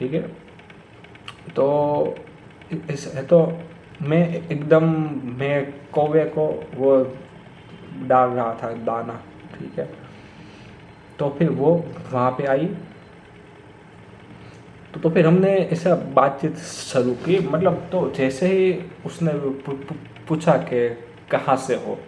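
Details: Stuttering in an adult man who has stammered for many years; he says it worsens when talking to his father and that he blocks on the 's' sound.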